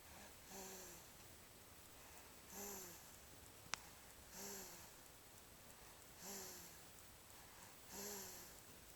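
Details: A sleeping child snores while lying on their father: soft, regular snores with a faint whistling tone, about one every two seconds.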